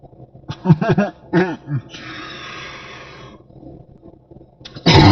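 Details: Deep cough in a person who thinks they have a cold or flu: a few deep, harsh, voiced coughing bursts, a drawn-in breathy hiss, then another loud burst.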